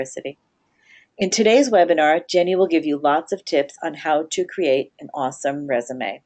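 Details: Adult woman speaking; normal voice.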